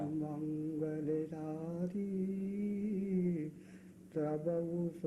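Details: Preserved singing of a devotional song (bhajan/aarti) in a patient with non-fluent aphasia who cannot speak fluently; patient assessment recording from 1997.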